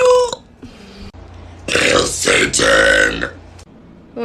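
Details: Girls' burping compilation: several loud, drawn-out voiced belches with brief quieter sounds between them, in a small room.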